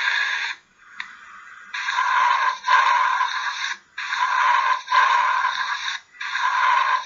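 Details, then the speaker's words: Vesicular breath sounds in a respiratory lecture demonstration, presented after bronchial sounds heard over the trachea and sternal notch: steady, soft rushing breath noise in repeated cycles. "okay so those are this is going to be your bronchio and your second one is going to be your vesicular"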